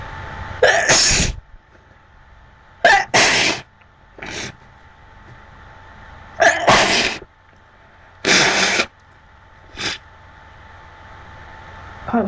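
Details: A run of about five loud, explosive sneezes with quiet breaths between, from an adult woman with a very blocked nose.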